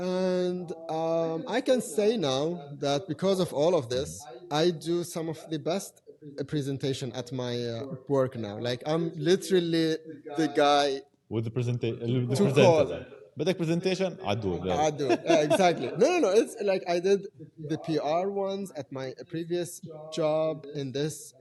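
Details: Adult man who has stuttered since age five or six, with blocks, lip and tongue tension, word repetitions and fillers; now controlled with pull-out and preparatory-set techniques learned in therapy in Germany; stuttering.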